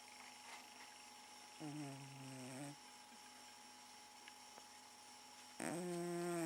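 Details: Male cat snoring while asleep in the living room, described as often snoring all night: two soft, buzzy breaths, one short, one longer, amid quiet room noise.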